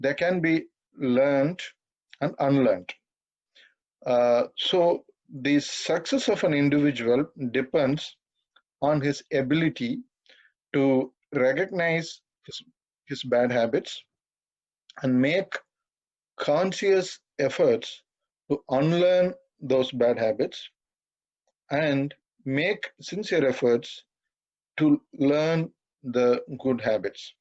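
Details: 42-year-old man who has stammered all his life, stammering occasionally while speaking; stuttering.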